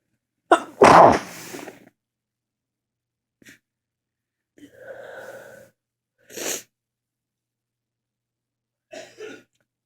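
One forceful sneeze, then a few softer breaths and sniffs, and a later small sneeze-like burst; repeated sneezing.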